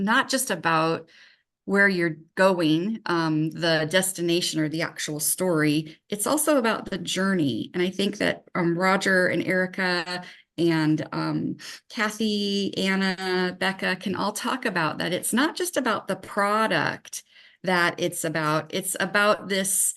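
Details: Adult woman speaking; no disorder.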